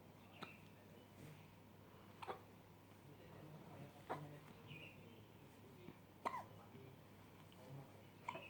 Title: Cute hiccup